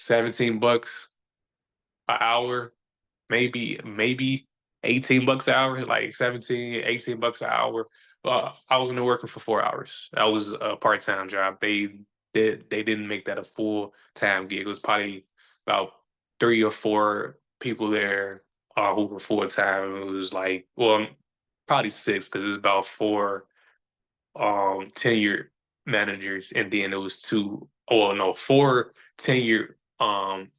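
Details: Stuttering in a male podcast host who says people see or hear his stutter, that he is still sometimes a little insecure about it, and that years ago he felt he had to hide it.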